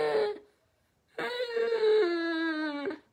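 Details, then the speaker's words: Adult nursing educator imitates stridor: a high, harsh, tonal crowing sound, a noisy sign of upper airway narrowing; vocal imitation, not a real patient. "you ever heard Strider it's exactly what it sounds it's bad it's a bad sound"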